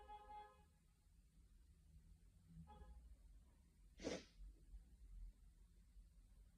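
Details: Single sharp, forceful sneeze during an afternoon sneezing fit attributed to hay fever, against quiet room noise with faint background tones; sneezing.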